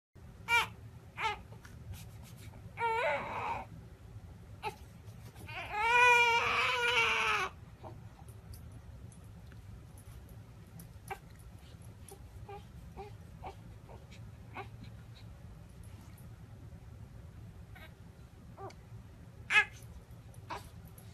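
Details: Newborn baby's thin, wavering cry in brief bursts fading into soft fussing as a Labrador licks and calms the baby; infant crying that settles.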